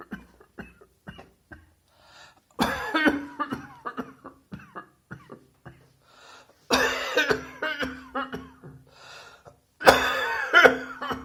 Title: Emergency Cross Dressed Coughing Bathroom Visit!